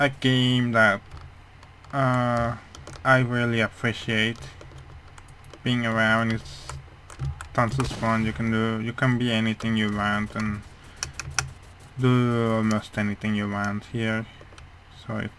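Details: Male speaker who says his voice sounds as it does mainly because of a hearing problem, not his accent; speech of a person with hearing loss.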